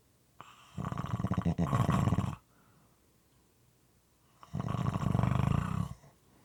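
Two long, loud, rattling snores with a wet, gurgling quality, separated by a quiet pause. Moist, somewhat irregular snoring.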